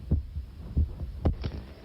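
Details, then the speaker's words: Classic stethoscope auscultation of a little girl with a suspected heart malformation, from a 1959 report before a catheter microphone was inserted into her heart: paired low heart thumps, about 90 per minute; normal heart sounds. "c'est le bruit qu'on entend d'habitude. C'est l'auscultation classique que vous venez de réaliser."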